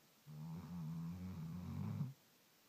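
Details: A single low, vibrating snore lasting about two seconds from a sleeping dog; snoring.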